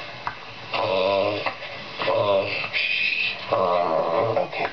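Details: 5-year-old female Bichon Frise with reverse sneezing for 2 years, worsening, episodes now 5 minutes or more, possibly needing surgery; past kennel cough turning into pneumonia, coughs drinking cold water; rapid, repeated honking snorts on inhaling.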